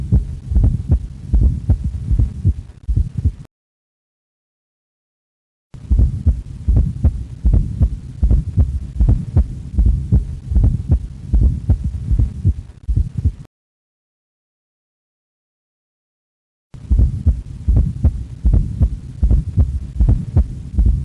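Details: Fourth heart sound (S4): regular low heart sounds at about 77 beats a minute with an extra soft sound just before the first heart sound.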